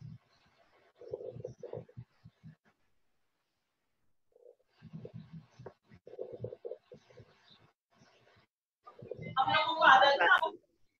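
Brief popping and crackling bursts come in groups with each breath over the chest, consistent with lung crackles.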